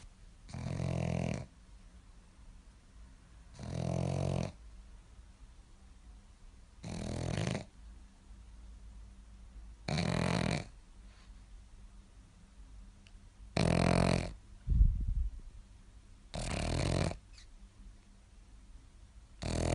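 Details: Loud, low, rumbling snores about every three seconds, roughly 20 a minute, with quiet pauses between, from a sleeping pug; snoring.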